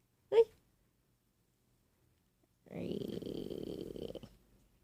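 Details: Sleeping Doberman dog snoring: a short snort, then one long rattling, rumbling breath noise.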